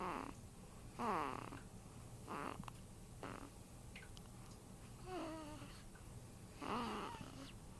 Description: At 8 days old I found that my son snores.